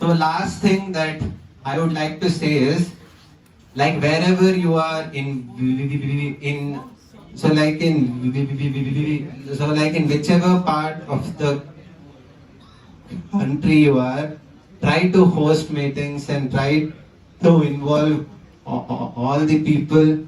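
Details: 20-year-old man who stammers, giving a talk at a national stammering conference; stuttering.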